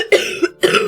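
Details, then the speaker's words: Streamer recovering from a cold, less blocked up but clearing mucus each morning, gives two quick rough, loose cough bursts she calls deep settled; chesty cough. "My cough is um I don't know. I sound like I smoke like a lot."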